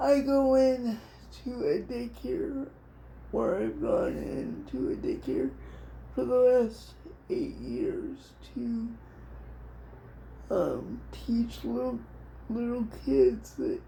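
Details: Adult woman with cerebral palsy diagnosed at 6 months old, which she thinks is level 4 or 5; it affects her whole body, including her speech (somewhat) and hands; she also has dystonia; dysarthria (cerebral palsy).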